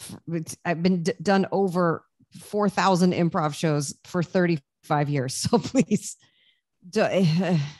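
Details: Adult speaker; ordinary speech.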